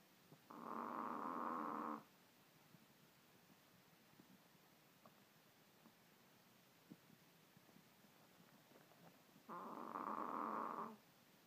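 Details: Mini Pomeranian dog snoring very loudly during sleep: two loud, buzzing, fluttery snores about nine seconds apart, quiet between.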